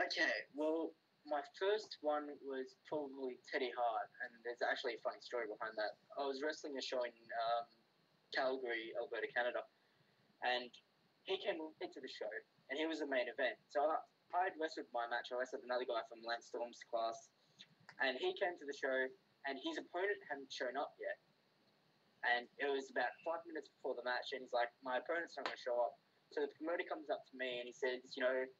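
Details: Adult man with a self-reported speech impediment in which his r sounds come out as w; rhotacism (r pronounced as w).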